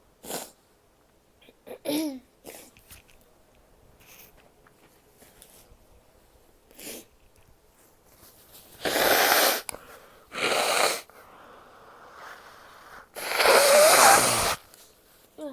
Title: sneezes, a bit of coughing and nose blows (f)